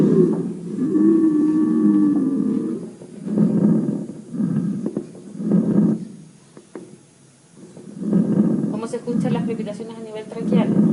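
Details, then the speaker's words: Very severe crackles heard over the trachea, which is not normal there. "Es una crepitación muy severa sí no es normal que se escuche a nivel de [Música] tráquea"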